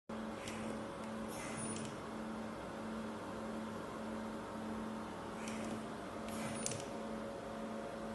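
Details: ICU ventilator running: steady hiss with a pulsing low hum, plus two brief whooshing airflow cycles about five seconds apart.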